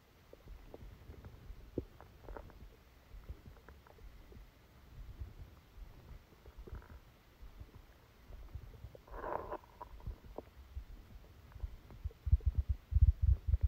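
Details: Bowel sounds recorded while sleeping with a stomachache after Christmas dinner: frequent low gurgles and rumbles with occasional louder squelches; active stomach rumbling.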